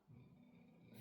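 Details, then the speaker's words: French bulldogs sleeping in the background give a quiet, low, rumbling snore, faint in a small room. "I do apologize if you can hear snoring in the background. That is my dogs and Joanne Chandler. They are French bulldogs, so they cannot sleep quietly."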